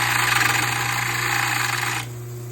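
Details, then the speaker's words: Loud rasping grind over a steady motor hum, then the grinding stops, as a water-cooled trimming wheel gently cuts excess from a dental model. "just trim off the XEL you want to be very careful because it does catch on the wheel and you don't want to shave the teeth off so just very gently"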